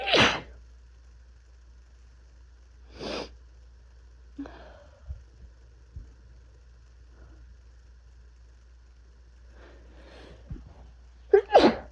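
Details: Adult with first cold of the year, with fever, chills, body aches and coughing: three sharp painful sneezes with a few stifled, smaller sneezes between them in a quiet room.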